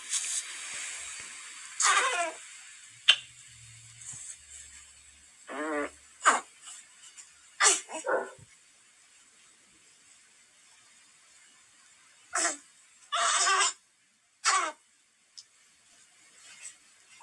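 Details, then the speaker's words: Pediatrician's recording of own newborn daughter at night, clearly asleep yet sounding distressed: short grunts and moaning separated by quiet; normal active-sleep grunting, a neurologic phase seen in newborns up to two to three months. "so that would happen just about every night we put her down and we'd hear that through the night and the funny thing was when I looked at her she was a sleep she actually sounded in distress"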